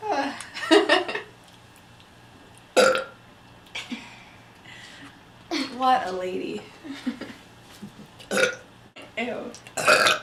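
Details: Girl after drinking cola: several loud, drawn-out burps amid nearby talking and laughter; burping.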